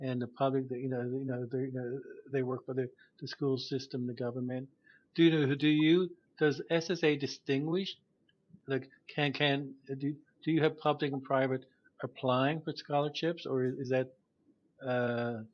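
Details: Host of a podcast about stuttering, with word repetitions; stuttering.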